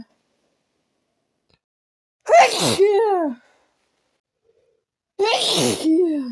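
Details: Two forceful sneezes, each a sharp burst of air trailing into a voiced cry, a few seconds apart, with snorting; sneezing after taking a little chhinkni (sneezing) powder.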